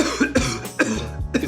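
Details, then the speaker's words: Acted cough from an acting-class demonstration: several forceful, expressive, throaty cough bursts in quick succession, performed to expel something from the throat, lungs or nasal passages. "if your character just has to cough give it that copier expelling whatever it is from your throat or your lungs or your nasal passages out and you want to do that as expressively as possible"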